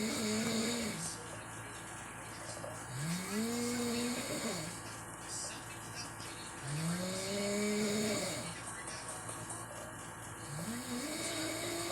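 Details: Snoring from a sleeping person nearby: slow, rising tonal snores about every three seconds, roughly 16 a minute, over steady background noise and faint sound from a screen.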